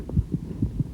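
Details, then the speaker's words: Stethoscope placed just behind the elbow of a 2.5 kg puppy at a routine vet check: fast, regular lub-dub heartbeats with a faint hum behind, described as "bum bum bum bum"; normal heart sounds. "What does it sound like? It sounds like it's going bum bum bum bum."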